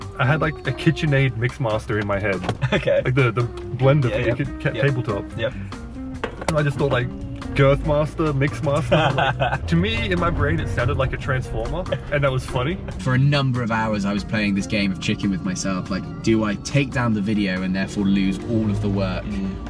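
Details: Adult man speaking; no disorder.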